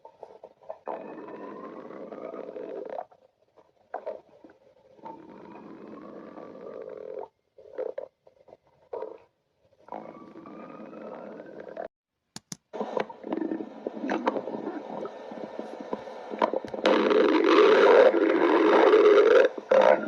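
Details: Remake of stomach growling when going outside: bursts of gurgling, rumbling growls with rising tones, then loud noisy background; ordinary bowel sounds (borborygmi).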